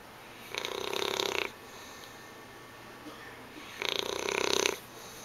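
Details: English Bulldog sleeping on a couch with her tongue hanging out: two long, raspy, fluttering snores about three seconds apart, noisy breathing through a narrowed airway typical of a flat-faced dog. Snoring.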